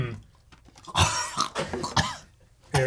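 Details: Adult man coughing while playing a video game indoors: several short, rough coughs and throat-clearing bursts; an ordinary cough.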